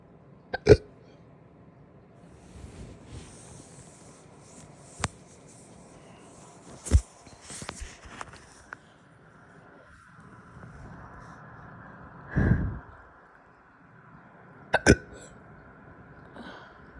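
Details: After breakfast, following some big burps: sharp, abrupt throat catches recur every few seconds, with a longer belch-like sound between them, over room noise; hiccups.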